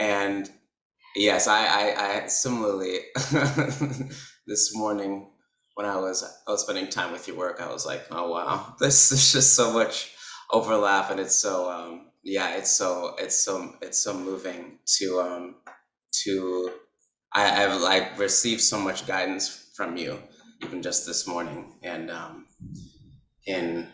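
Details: Adult man who describes himself as a person who stutters, speech showing repetitions and blocks; stuttering.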